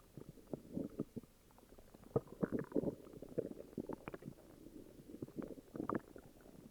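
Irregular low gurgling and rumbling bursts over several seconds: stomach growling (borborygmi) from an upset stomach.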